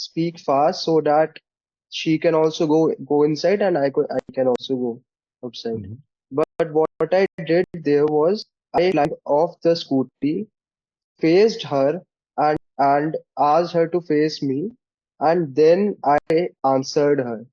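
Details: Male participant in a stammering practice group; stuttering.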